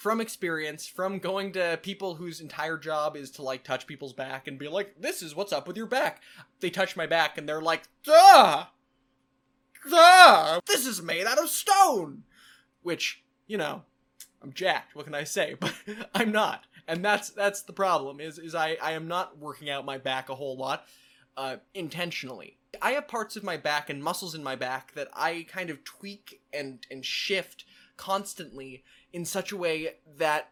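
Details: Complex vocal tic in a man with Tourette syndrome: a repeated tic phrase, a strange string of words, some profane, present since childhood.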